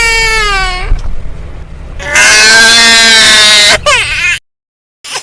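Loud, shrill infant crying in repeated wailing bursts with rising and falling pitch, from a sound-effect recording.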